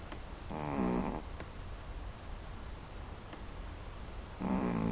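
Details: Snoring: two loud, rattling, vibrating snores on breathing in, separated by quiet breathing, in a small room.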